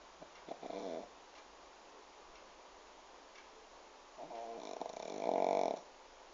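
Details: Pug asleep sitting in owner's lap with head resting on table, two rough, rattling snoring breaths separated by a quiet pause; snoring.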